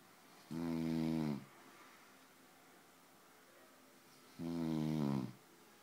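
Two loud, rough, droning snores about four seconds apart, each lasting roughly a second, with quiet between; loud snoring.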